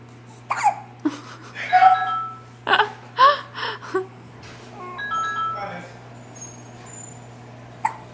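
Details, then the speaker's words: Hiccups in a 3-week-old infant girl, frequent recurring episodes, squeaky-toy-like: several short, abrupt catching sounds at irregular intervals with soft infant vocal noises between. "gentle babe you got the hiccups again that's all she does sits here and gets the"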